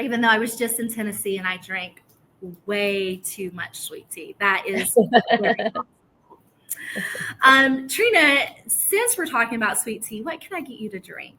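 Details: Adult woman speaking, likely in conversation; normal voice.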